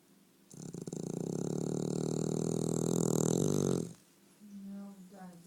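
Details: A sleeping dog snoring: one long, loud, rattling snore, then quieter breathing noise.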